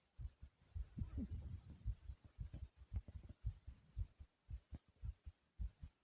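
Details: Rapid heartbeat with heavy breathing after 40 jumping jacks followed by unexpected choking; heart racing; tachycardia.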